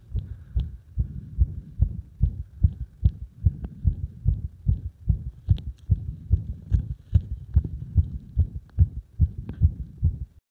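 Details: Arrhythmic heart sounds caused by compression, heard through a stethoscope: fast beats with uneven spacing between some; irregular rhythm.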